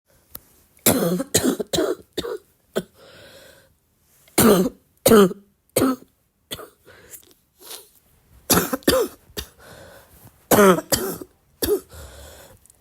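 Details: Persistent cough in a person who is still sick, tagged as a barking cough: repeated harsh bursts in clusters of two to four, about a dozen coughs, with quiet breaths between.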